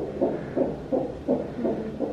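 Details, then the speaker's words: Rapid, rhythmic whooshing fetal heartbeat on a labour monitor at about 165 a minute, described as over 170, after the mother's waters broke and contractions intensified, before her epidural. "oh that's the heartbeat i mean over 170."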